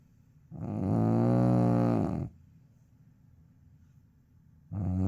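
A loud, rough, low rumbling sound lasting nearly two seconds, then a quiet pause and a fresh start: a snore on each in-breath.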